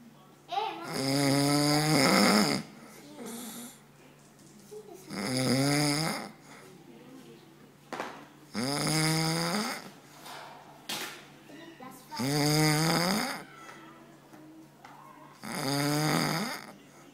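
Loud, rasping, drawn-out snores on each breath in, about five in seventeen seconds, with quiet breathing out between them. Snoring.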